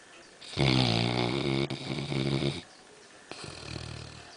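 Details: Black Labrador about 11 months old, deeply asleep on a settee after an afternoon of swimming: loud, rattling, buzzy snore on a breath in, then a quieter second snore; dog snoring.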